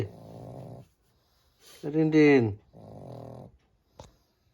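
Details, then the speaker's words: Pug snoring in sleep: rough, rumbling snorts with a louder grunting breath in the middle; snoring. "Tintin, তুই নাক ডেকে যাচ্ছিস, ঘুমোচ্ছিস নাক ডেকে ডেকে? কি হলো? নাক ডাকতে ডাকতে ঘুম ভেঙে গেল?"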